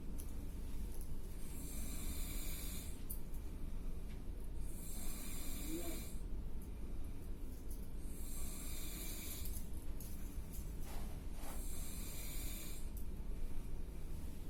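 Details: An adult asleep in an office workroom, snoring loudly enough to be heard across the room, recorded by a coworker. Steady hissing, rasping breaths about every three seconds, roughly 20 a minute, over a loud low rumble.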